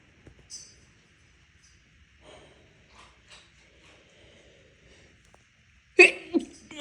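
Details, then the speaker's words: Allergic sneezing during ragweed season: an adult sneezing a lot since yesterday, waking stuffy with watering eyes. Quiet breathy sounds, then a sudden loud sneeze burst with a second explosive follow-up near the end. "It's ragweed time. I've been sneezing a lot yesterday, and I woke up this morning stuffy, and took my dogs out."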